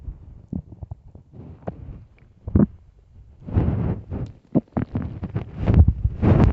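Irregular low gurgles and rumbles with short bursts, typical of a hungry stomach growling; normal bowel sounds.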